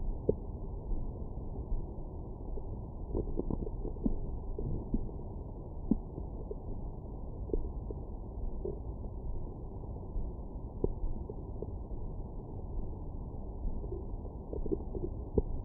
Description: My #StomachGrowls after breakfast.